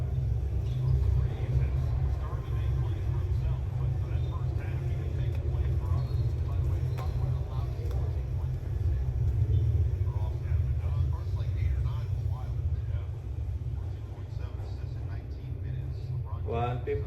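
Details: Newly bought automatic blood pressure monitor being tested on a man. A steady low motor hum of the cuff inflating is heard, with voices in the background. The monitor also reads heart rate, and the result is 122/75, described as normal.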